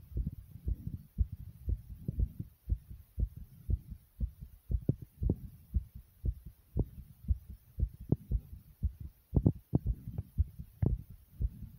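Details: Own heartbeat: rapid, low thumping at about 118 beats a minute, faster than a normal resting rate (tachycardia).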